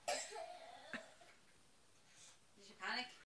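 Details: A young child's short cough, then a single throat-clearing sound and faint voice sounds in a quiet room, as she is given an inhaler prescribed by a doctor for her cough.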